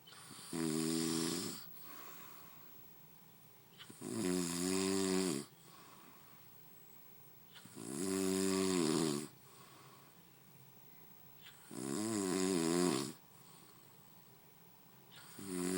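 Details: Man snoring in sleep: loud rattling snores on each breath in, about 16 breaths a minute, with quiet breathing out between them.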